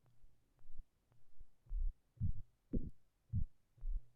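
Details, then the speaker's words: Simulated heartbeat made with the Serum software synthesizer in Logic Pro X, with key velocity controlling pitch: soft low paired thumps at roughly 60 beats a minute. "so now you're gonna see how if I press a key with a high velocity this is the pitch Eggman can I get whereas if I press the key with low velocity I"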